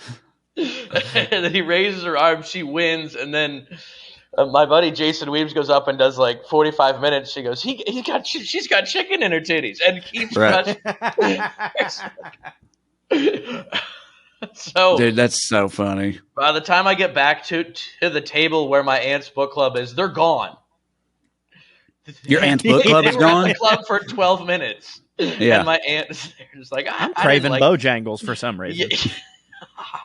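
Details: Adult male comedian who says he has a stutter: stuttering.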